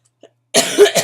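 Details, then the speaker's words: Cough from a person with chronic illnesses sick with bronchitis over Thanksgiving, with asthma complications and taking prednisone; voice affected, eyes barely open, body aching; cough. "As you can probably tell, because my eyes are like barely open, you can hear my voice, you can hear my coughs, and my body feels like it's been beat with a baseball bat"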